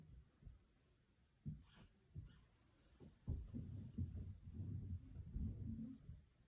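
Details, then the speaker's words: Normal S1 and S2 heard through the stethoscope bell as soft, low thumps during a head-to-toe assessment. S1 was louder at the apex and S2 louder at the base. "Okay. Okay. And the S1 sound was louder at the apex and the S2 sound was louder at the base."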